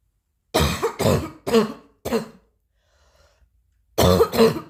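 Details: Plain adult cough: six short, harsh bursts, four in a quick run, a pause, then two more.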